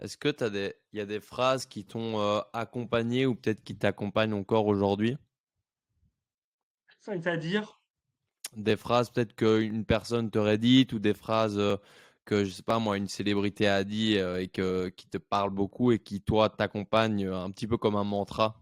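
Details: Adult man; normal speech.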